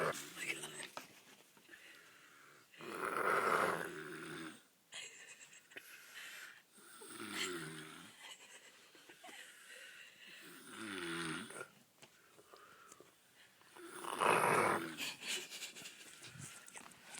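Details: Snoring: rough, rattling snores on each breath, about four over seventeen seconds, with quiet pauses between, in a small room.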